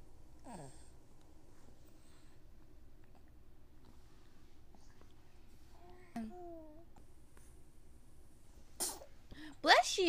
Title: Baby sneeze